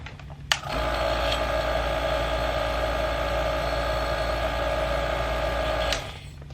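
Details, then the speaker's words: Home compressor nebulizer used for glutathione nebulization, running with a steady mechanical hum and rattle for several seconds, then switching off; fairly quiet compared with older, vacuum-cleaner-loud nebulizers. "are some that are much much louder than that some people said like they have some that like sound as loud as the vacuum cleaner"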